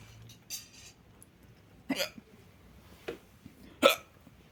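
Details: Sharp, abrupt gulping hiccups, about three in four seconds, in a quiet room; repeated hiccups.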